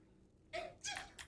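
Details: A quiet room, then a voiced intake ('ah') followed by a sharp, hissing burst and a brief trailing puff: a single sneeze.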